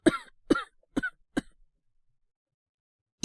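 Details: Acted cough by a male-voiced voice actor playing a young man with a cold, coughing at night: four quick, harsh coughs in a short fit, then silence.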